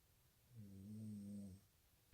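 A single low, rumbling snore of about one second, voiced and steady, against a quiet room.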